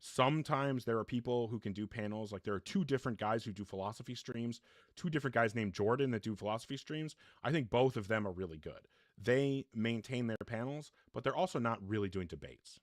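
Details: Adult male speaker; Normal speech.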